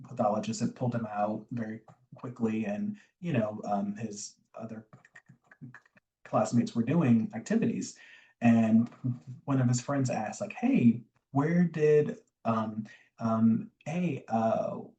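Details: Adult man, a recovering covert stutterer who still stutters, with word and phrase repetitions and fillers; covert stuttering.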